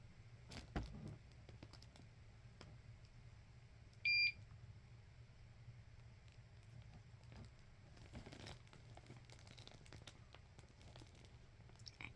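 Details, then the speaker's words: A single short electronic beep over quiet room noise from an infusion pump at the end of a 12-hour overnight TPN (total parenteral nutrition) cycle through a central tunnelled chest catheter. "we beeped we [Music] beeped okay we have be so our first thing we do is we turn the pump off we open the pump door and we remove the line from the pump"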